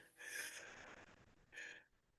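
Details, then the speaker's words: Adult's mouth imitation of a wheeze in a teaching review: two breathy, hissing bursts with faint whistling tones mixed in, like many small tubes whistling at once rather than one big tube as in stridor. "It's hard to fake a weeze. It's easy to fake a strider. Um, but you can hear that like it's a it's a bunch of little tubes all whistling at the same time as opposed to one big tube whistling."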